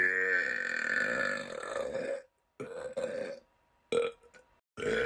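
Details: Burp compilation: one long, loud, drawn-out burp followed by several shorter burps; belching.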